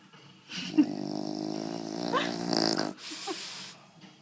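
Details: Sleeping female bulldog snoring, possibly with eyes open: a long, loud, buzzing snore followed by a shorter one.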